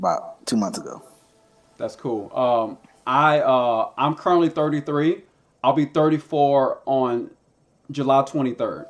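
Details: Stuttering in a man who stutters and uses a SpeechEasy speech device.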